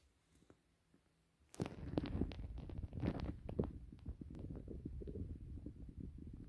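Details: Very loud stomach growling (borborygmi): low gurgling and rumbling from the belly after a quiet start.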